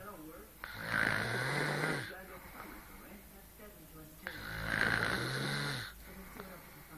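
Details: Adult woman (girlfriend) snoring in her sleep although she claims she doesn't snore: two loud rattling snores on inhalation, each followed by a softer exhale.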